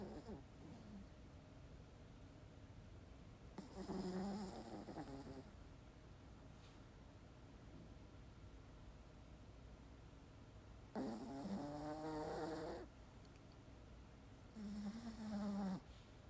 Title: 강아지 코골이 🤣🤣